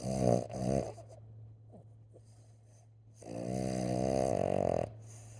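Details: Sleeping subject snoring: loud buzzing snores, one long and drawn-out and others shorter, with a snorting quality over a steady low hum.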